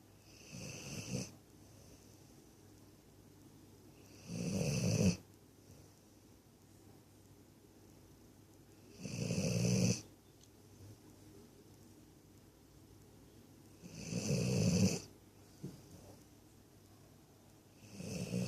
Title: snoring 22.04.16